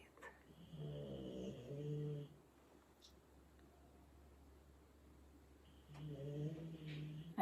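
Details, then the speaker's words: Two loud, rattling snores about five seconds apart, with quiet breathing between and a low room hum, from a sleeping Bulldog; snoring. "you're hearing my Bulldog breathing just allow that sound to be here"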